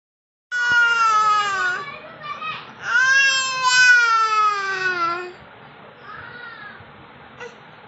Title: crying baby ! baby crying (sound effect) ! crying baby pic ! crying baby girl ! crying baby quotes